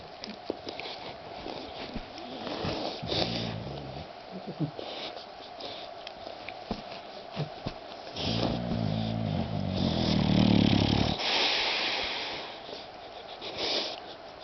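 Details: Pet that snores the whole night, still snoring while another pet wakes: irregular low rumbling snores and snorts with sniffing and rustling in a quiet room; snoring.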